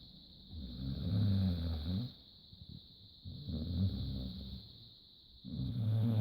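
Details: Hungarian Vizsla, female, in deep, comfortable sleep: deep rumbling snores with quiet gaps, about 26 breaths a minute, over a steady background hum; snoring.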